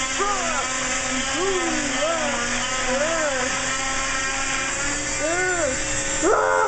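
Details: Cast removal on an elderly man (granddad) with an oscillating cast saw: steady high motor whine with rising and falling tones as the blade cuts through the cast.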